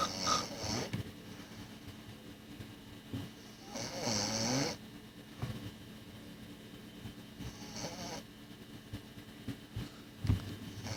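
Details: Irregular snoring: a few rough snoring breaths spaced several seconds apart, with scattered clicks and room noise.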